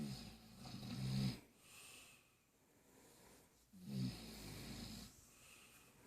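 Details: Sleeping person snoring while the baby moves: two low, rumbling snores on the in-breath with quiet out-breaths between, roughly 20 breaths a minute; ordinary snoring.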